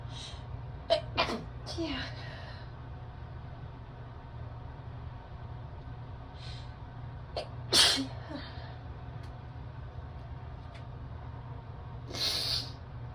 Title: After-shower chilly sneezes